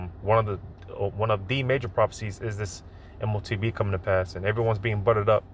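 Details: Adult male speaker; normal speech.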